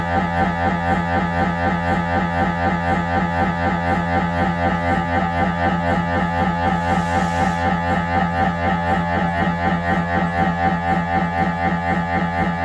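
Loud, steady, rapid knocking and droning from an MRI scanner at about four pulses a second, the usual noise of a routine head scan.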